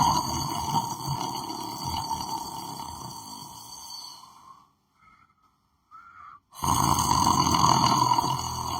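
Loud, rough, buzzing breathing noise with a brief quiet gap, typical of snoring during sleep; room noise present.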